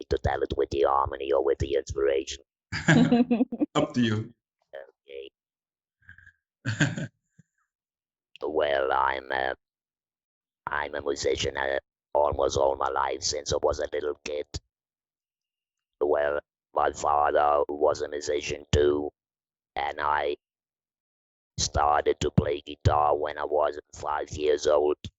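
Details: Woman from the Netherlands who had her larynx removed (laryngectomy), speaking with an Inspiration electrolarynx; electrolarynx speech after laryngectomy.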